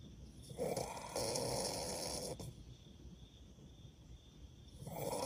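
Loud, rasping, vibrating breaths with a quieter pause between them: heavy snoring.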